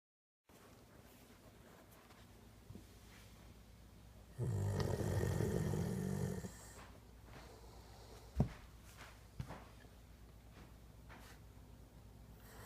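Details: One loud, rough, rumbling snore lasting about two seconds over quiet room noise, then a few soft snuffles: snoring.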